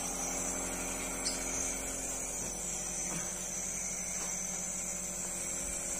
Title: Nebulization Machine #nebulization #nebulizador #nebulizationmachin #nebulizador